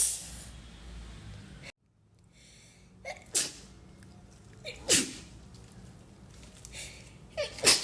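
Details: Induced sneezing from a tickle: several sharp, hissy sneeze bursts, some preceded by a quick inward gasp, against faint room noise.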